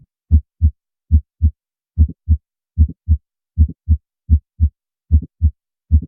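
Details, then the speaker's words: Mid-systolic click of mitral valve prolapse: a short extra click between S1 and S2, occurring in systole, with a regular heartbeat near 75 per minute; audio teaching sample. "what's important is that you recognize the s1 sound and the s2 sound and that you know that the click happened during systole and not diastole"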